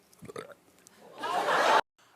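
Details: Adult woman burping on live television: a brief laugh, then a long, loud, rough burp about half a second long.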